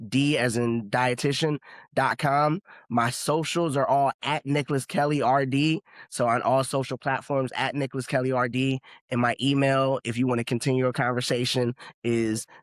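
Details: Adult male speaker; Normal speech.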